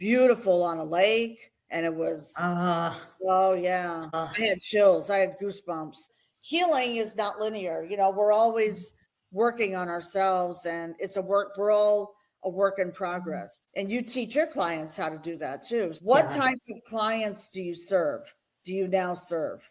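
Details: Adult woman speaking, with a brief second voice; normal conversational speech.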